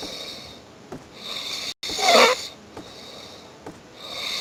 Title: Whos That Snoring Hmm?